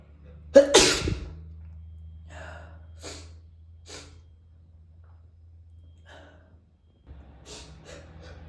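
A single sharp, explosive sneeze with a brief intake before it, followed by quiet rustling in a small room.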